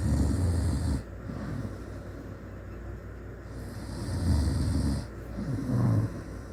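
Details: Old man sleeping, loud, rough, low-pitched snoring in repeated bursts with quieter breathing between them over steady background hiss.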